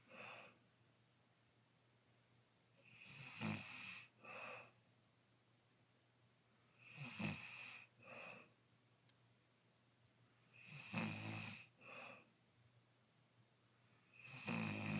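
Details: Snoring recorded on day 3 during sleep: rough, rattling snores recurring about every four seconds, roughly 16 a minute, each followed by a brief snort.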